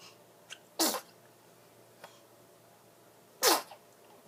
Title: 3 month old baby sneezes and coos